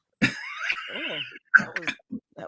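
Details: Adult man, a live internet-radio guest who says he is hoarse and struggling with his voice, says "excuse me" and gives a harsh, raspy throat clear followed by several short cough bursts.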